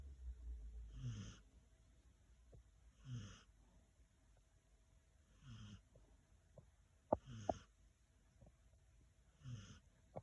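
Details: Sleeping senior dog: soft breaths about every two seconds, each carrying a faint high whistle, a wheezy whistling snore at roughly 28 breaths a minute.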